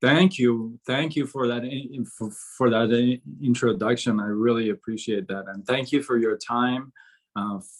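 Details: Adult man who began stuttering at about age six; from about age 13–14 to 24 he could hardly speak, gasping for air with chin shaking; still stutters on certain sounds such as "seven": stuttering.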